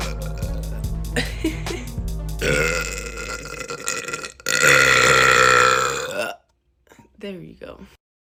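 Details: Girl deliberately burping, going for a loud one for the new year: long, loud voiced burps with a drawn-out croak, mixed with background music and brief talk.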